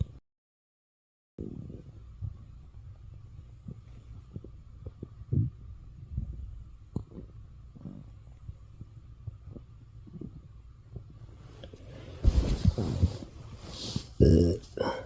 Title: morning stomach growls【turn your volume up】